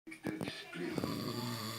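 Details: Snoring: low, rattling, buzzing breath sounds with voices talking in the background.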